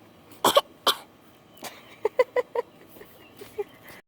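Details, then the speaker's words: A young child gives a short run of small, deliberate coughs on request; a voluntary, fake cough rather than illness. "are you okay is that your little fake cough no it's real what it's a real cough let me hear it again"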